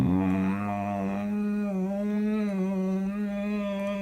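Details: Adult man with catathrenia recorded asleep by his wife: a sustained, steady, voiced hum-like groan on a prolonged out-breath, sleep-related groaning.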